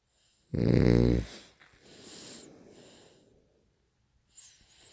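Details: One loud, buzzing, voiced snore on the in-breath, then a softer noisy out-breath; loud snoring.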